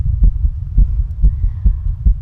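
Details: Female heartbeat described as fast and skipping: rapid, somewhat uneven paired low thumps at about 130 beats a minute with slightly irregular spacing; fast irregular heartbeat.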